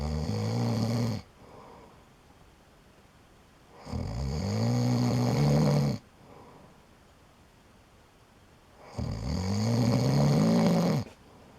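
Loud, long buzzing snores on each breath in, with quiet pauses between, about 12 breaths a minute; ordinary snoring.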